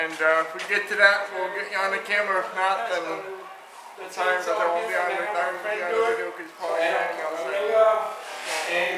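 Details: Adult with cerebral palsy who uses a power chair, speaking while working on a chainsaw; cerebral palsy is named but no speech disorder is named; dysarthria (cerebral palsy).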